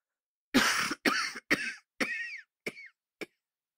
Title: SFX SOUND EFFECT: LIL COUGHING --- LEICHTER HUSTENREIZ